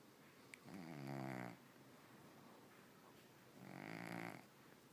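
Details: Pet cat snoring while asleep, then being woken up.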